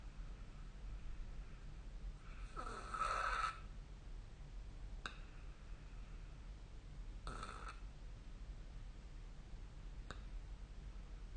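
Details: Snoring during sleep recorded with the SnoreLab phone app: two rough, rattling snores about five seconds apart over a low, steady room hum.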